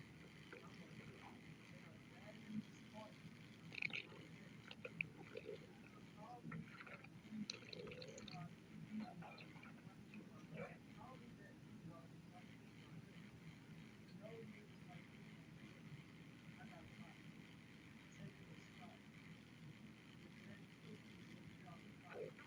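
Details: Quiet, low rumbling with scattered gurgles and small pops: a growling stomach (borborygmi).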